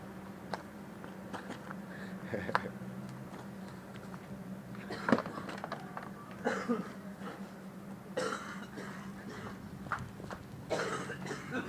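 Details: An adult cleaning the yard has repeated short coughs and throat clearing that won't stop, several bouts in close succession, over a low steady background hum.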